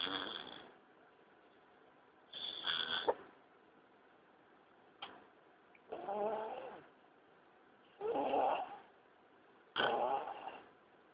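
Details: Repeated rattling, fluttery breaths about every two seconds, some with a throaty vibrating tone: snoring in sleep.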